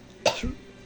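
A single short, deliberately made cough, imitated rather than a true illness cough.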